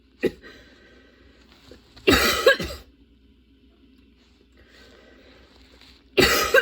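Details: Prolonged coughing fit that came on out of nowhere and kept worsening, with tears from nonstop coughing and repeated position changes: two harsh, loud cough bursts separated by quieter breathing noise.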